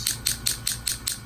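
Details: Rapid, evenly spaced sharp clicking pulses, about five per second, over a low hum; low-level shockwave therapy device treating chronic right ankle pain from an MRI-confirmed partial tear of a lateral ankle tendon.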